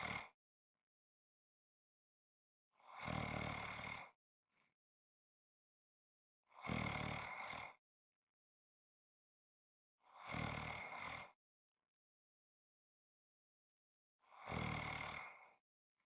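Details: Heavy snoring with loud, rough rattling noises about a second long, recurring about every four seconds, roughly 15 a minute.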